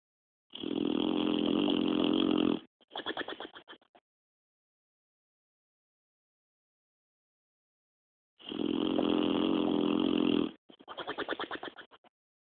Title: Snoring Ginger (boxer)